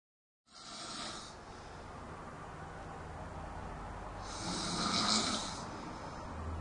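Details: Grandmother snoring: two rough, hissing snores on breathing in, several seconds apart, over steady room noise; ordinary snoring.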